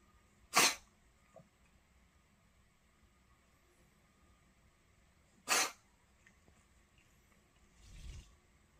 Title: 고양이 재채기 나올랑 말랑